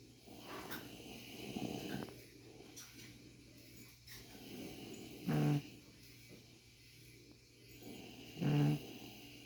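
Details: Man snoring after falling asleep during beard ingrown-hair removal following a shower: slow breathing with two loud, rough snoring breaths a few seconds apart in a quiet room; ordinary snoring.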